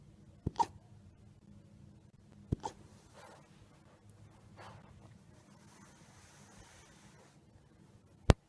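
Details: Young wolf pup with hiccups: three short, sharp hiccup jerks about two seconds apart at first, in a quiet room.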